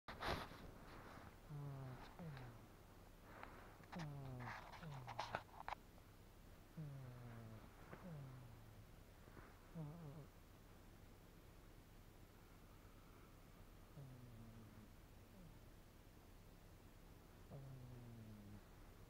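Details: Close-up of a sleeping cat snoring softly, with low, slightly whistling breaths falling in pitch, in a quiet room.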